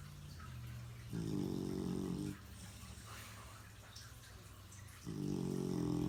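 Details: Loud buzzing snores on each breath in, roughly four seconds apart, with quieter breathing out between and some room noise; the snorer was not who was expected; snoring.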